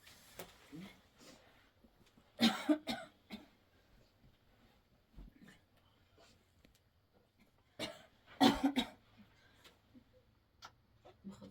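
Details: Severe cough in a nomadic woman who later coughs up blood: two loud, harsh coughing bouts, each a cluster of several bursts, with quiet room sounds between.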